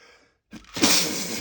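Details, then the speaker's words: Man's wet sneeze after a nose tickle: brief indrawn breath then one loud, forceful, spraying sneeze burst, among repeated strong sneezes. "Oh, I got to sneeze. I'm going to sneeze. Got to sneeze."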